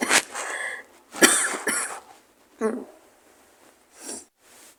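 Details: Several harsh, raspy coughs with throaty sounds between them in a small room, from a person with a cold, sore throat, headache and hoarse voice; cough.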